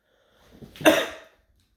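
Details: Human cough heard by owner's small dog, which gets startled and checks on them.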